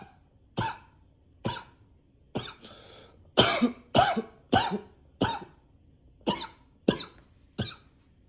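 Eleven short, dry coughs in quick succession over eight seconds, barely pausing between them; persistent repetitive coughing.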